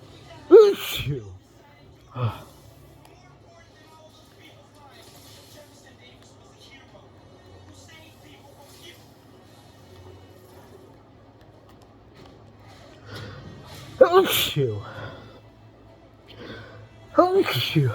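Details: Hay fever sneezing fit while playing a video game, after stifled sneezes, continuing about 20 more minutes: several sharp explosive sneezes with quieter breaths and snorts between, over faint game sound.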